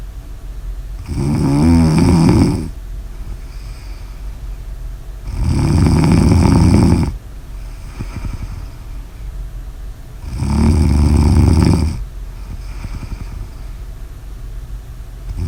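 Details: Loud habitual snoring: three long, low, rattling snores on inhalation with quiet pauses between, about 13 a minute.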